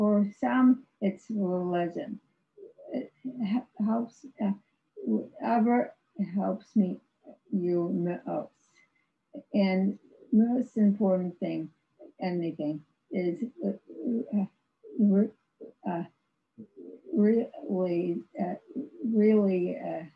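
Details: Aphasia in an adult woman after a severe stroke in 2010, about 11 years earlier; she had no speech for three years and has ongoing speech difficulty, described as severe aphasia.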